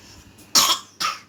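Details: Young child with cough and flu, just woken up: two short, sharp coughs, the first louder, the second about half a second later.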